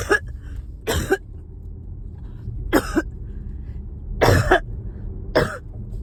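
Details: Coughing fit while riding in car with phlegm stuck: repeated harsh, wet-sounding coughs in a bout over steady low vehicle rumble; productive cough.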